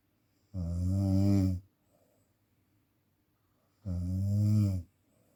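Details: Snoring presented as sleep apnea (ngorok): two loud, low, buzzing snores about three seconds apart with quiet between.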